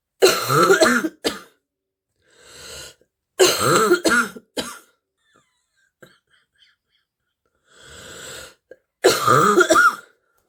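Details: Girl with a bad stuffy, wheezy cold: three clusters of harsh, deep, hoarse coughs with breathy inhalations between; barking cough.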